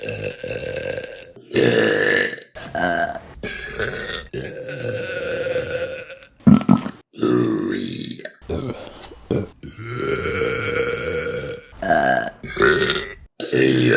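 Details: Compilation burps: a run of about a dozen loud, drawn-out voiced belches with short gaps between them; repeated burping.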